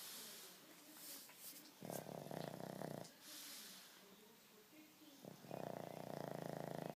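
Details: Two long, loud, rattly snores on the in-breath, separated by quieter breathing; ordinary snoring.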